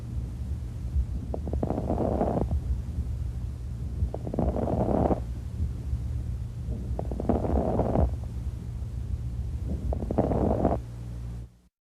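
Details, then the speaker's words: Four breaths with brief popping, crackling sounds over the breath noise, from moisture or fluid in the airways, as in pulmonary oedema or congestive heart failure; lung crackles. "crackles are because of moisture some fluid is there okay many possible causes of crackles are pulmonary edema early congested heart failure crackles are heard in pulmonary edema congested coronary bronchitis okay let's hear the sound"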